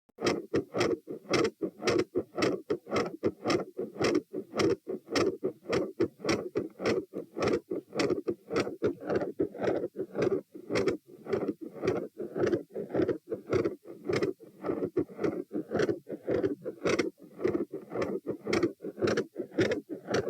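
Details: Fast, loud heartbeats recorded standing, with a brief continuous murmur filling the gaps between sounds and a disproportionate rise in rate and S1 intensity after a leg bob.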